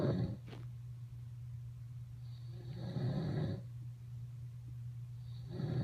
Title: Daddy Snoring 3~June 2015